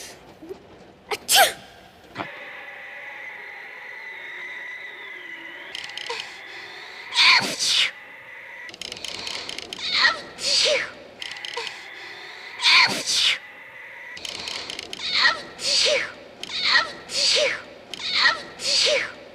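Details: Character shivering from biting cold: a run of about ten sharp, hissing sneeze bursts coming faster toward the end, over steady hum; repeated sneezing.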